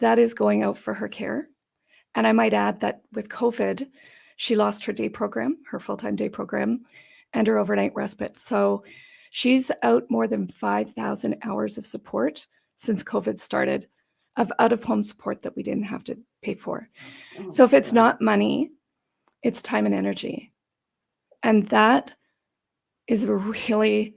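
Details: Adult woman with idiopathic subglottic stenosis, an airway condition, for about 12–14 years, treated with repeated tracheal dilatations and surgeries; she attributes gravelly, gasping sound to the tracheal surgeries. Dysphonia due to idiopathic subglottic stenosis.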